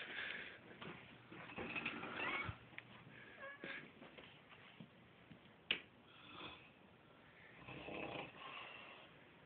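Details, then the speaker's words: Mom snoring while asleep. "Mom is up here snoring. You know we gotta get her part 5 or 30 or whatever."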